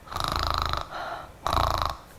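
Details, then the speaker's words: Two loud rattling snores on breathing in with a softer breath between, described as uvula vibration from air entering the throat while sleeping with the mouth open, occurring with age; snoring. "입을 벌리는 순간 공기가 목으로 들어가면서 나이가 들면 목젖이 떨리는 소리가 납니다."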